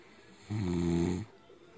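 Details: Adult man (husband) who drinks a lot of alcohol, asleep: one loud, low, deep, croaking snore of about three-quarters of a second, like a bullfrog, against a quiet room; loud snoring.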